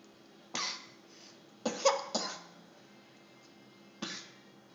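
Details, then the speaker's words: Young child with a current cough, sleepy while eating dinner in a high chair: four short, dry coughs spread over a few seconds in a quiet room. "Poor thing has a cough right now."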